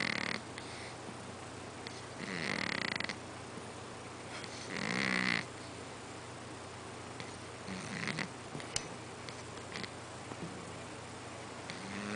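Rough, rattling snores from a sleeping cat, with breathy exhalations between them; ordinary harmless snoring.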